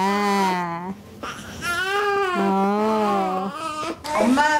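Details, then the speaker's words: Newborn crying during a postpartum care centre demonstration of soothing by recreating womb-like conditions such as gentle wrapping: steady, high-pitched rhythmic wails with short catch breaths, ordinary newborn crying in a quiet room. "그런지 우는 아이들을 달래 주기 위해서는 뱃속에 있는 환경 처럼 만들어 주자는 거구요"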